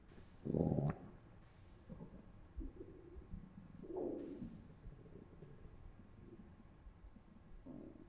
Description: After consuming three particularly distasteful slices of pizza, the effect was not pleasant. We put our little *Zoom H1n Recorder to the test by placing it against the stomach of a volunteer (me) and captured this AUTHENTIC audio for your listening and or editing pleasure.